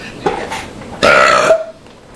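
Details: Voluntary burping at home after drinking soda and eating: a short belch followed by a louder, drawn-out voiced burp lasting about half a second.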